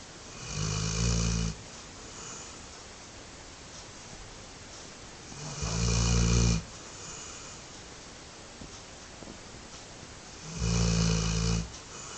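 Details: Sleeping dog snoring: loud, low rumbling snores about every 4.5 seconds, roughly 13 a minute, with quiet breathing between; ordinary snoring.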